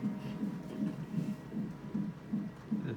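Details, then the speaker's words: During labor, on a fetal monitor, with birth expected in a couple of hours: rapid, regular whooshing pulses at about 140 a minute. Fetal heartbeat. "beautiful mommy your heartbeat is going good babe you about to come out probably in a couple hours"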